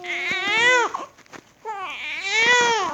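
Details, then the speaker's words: Infant, younger sibling of a child who has a cough, crying in two loud, rising and falling wails with a brief catch of breath between them. "Tada, ini dia lagi menangis."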